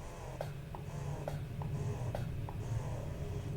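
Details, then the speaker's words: Momcozy M9 breast pump running in mix mode, with fast cycles then a long pull: low motor hum with soft rhythmic clicks and whooshing pulls, alternating quick and longer cycles. "There's the long pull. Okay. There's the long pull. Okay. And then this is at level 15. There's the long pull."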